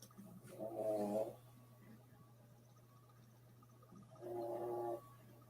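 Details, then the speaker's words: Snoring heard in the background while someone talks, with a brief static-like sound that then stops. "oh you hear Jenny snoring I think that's what I heard well I heard that and then I heard like uh it sounded like static or something and then it stopped"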